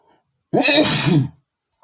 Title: sneezing male #12 (i tried to holdbacks)